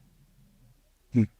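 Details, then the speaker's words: Snoring during drug-induced sleep endoscopy, soft palate (velum) narrowing with uvula touching the back wall: faint low rumbling breath, then one brief loud low-pitched rattling snort from soft palate vibration. "하죠네 요게 이제 드르렁드르렁 하는 건데 이분 같은 경우는 사실 여기도 지금 좁아지는데 여기 벨룸이 그래요"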